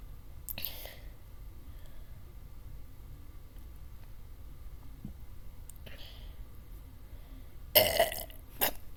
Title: dr.pepper challange (when will i stop burping)(i failed)